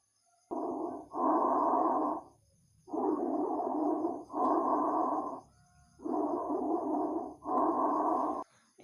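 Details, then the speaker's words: Bronchial breath sound auscultated with stethoscope over the suprasternal area during a respiratory exam practical, patient mouth-breathing; loud, harsh, high-pitched, hollow, expiration longer than inspiration, pause between phases, about 20 breaths/min. "yang kedua kita akan melakukan semen dengarkan suara nafas bronkial pada daerah suprasternal dimana durasi ekspirasi lebih panjang dibandingkan inspirasi dengan intensitas keras dan spek yang tinggi"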